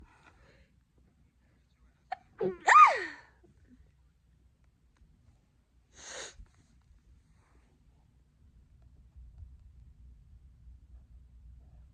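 A quick breath in followed by one loud sneeze, then a softer second burst a few seconds later; quiet room.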